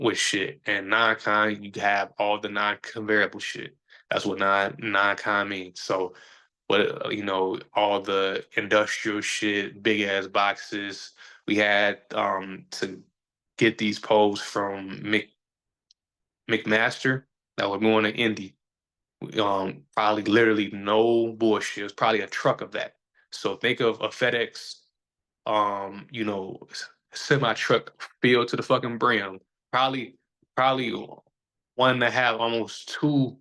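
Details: Adult man who says he stutters, is still sometimes a little insecure about it and years ago felt he had to hide it; stuttering.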